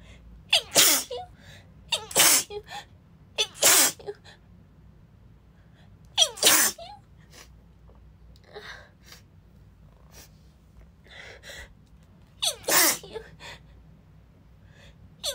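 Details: Female who is sick: repeated sharp, explosive sneezes, about six, in quick clusters with little recovery breath between them, more sneezes than she can manage a full breath: sneezing fit.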